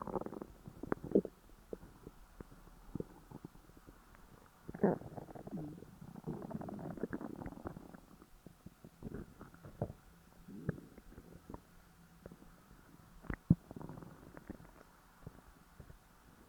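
Low gurgling and rumbling abdominal noises with brief pops and squeaks; ordinary stomach growling after a large meal.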